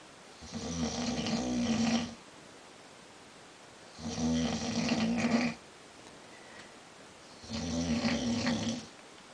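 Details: Adult man snoring in his sleep; his wife reports the snoring is loud, long-lasting and frequent. Three long, rough, rattling snores about 18 a minute, with quiet pauses between.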